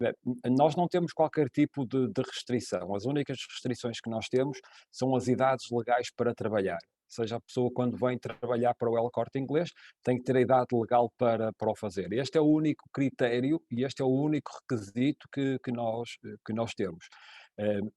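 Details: Adult male speaker; normal speech.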